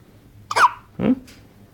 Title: is having a hiccups :)